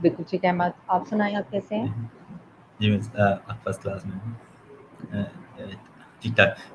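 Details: Adult male speaker; typical speech.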